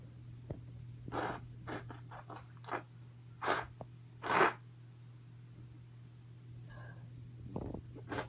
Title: wet cold sneezing